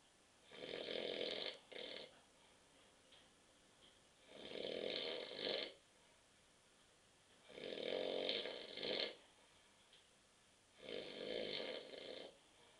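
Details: Adult husband asleep on a sofa at 9.30 p.m. after too many beers: four loud, rough inspiratory snores about every 3.5 seconds (about 17 breaths a minute) with quiet pauses; snoring.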